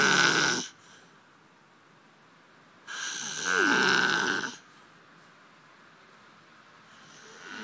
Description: Snoring man on a beanbag eating lots and lots of crusts in his sleep.